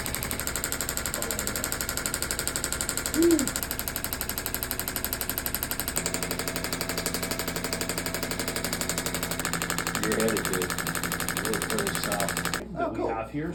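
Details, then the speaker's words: Radial pressure (shockwave) therapy device pulsing rapidly and steadily, about four taps a second over a faint hum, applied to the knee of an adult with pain and limited bend after knee replacement, to break up scar tissue. "so that's radio radial pressure wave therapy right it's shock wave therapy right so it goes into those tissues breaks up that scar tissue all that junk in through there before it becomes permanent right"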